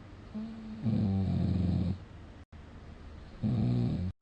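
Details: Snoring during sleep, rated snore score 60: two loud, low, fluttering snores about a second each, separated by quiet breathing.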